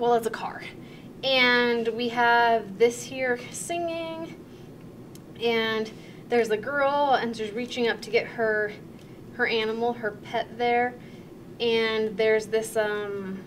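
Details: Demonstration of anomic aphasia, an acquired, mild, fluent aphasia, during a picture description task, with word-finding errors, filler words and talking around the word; anomic aphasia.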